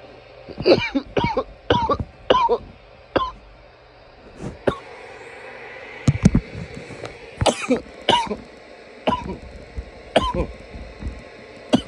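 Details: Some loud coughs: about a dozen loud, harsh cough bursts, some in quick pairs, with a little throat clearing in a quiet room.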